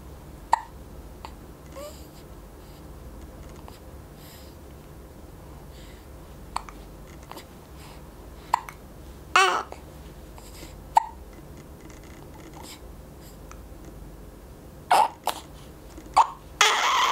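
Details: Hiccups in a 4-week-old infant: brief, sharp catches at irregular intervals with soft baby noises in a quiet room; normal infant hiccups.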